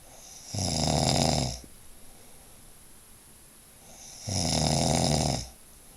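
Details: Adult man who snores every night, last night from 11 to 3: two loud, long, rattling inhaled snores about four seconds apart with quiet breathing between; heavy snoring.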